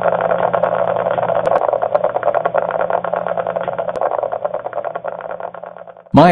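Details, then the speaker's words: Dense continuous crackling static on needle EMG, an interference pattern from volitionally or involuntarily activated neck muscle in cervical dystonia during Myoguide EMG-guided botulinum toxin injection via a hypodermic needle electrode. "a sound is generated when the interference pattern occurs from the volitionally activated muscle or a muscle that is involuntarily activated by the cervical dystonia"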